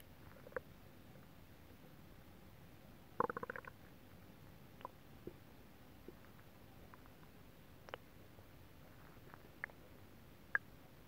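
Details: A stomach gives bubbly, popping growls an hour or two after eating a large pot of Japanese nabe stew, recorded during calm breathing and a belly rub with oil, with faint TV behind; borborygmi.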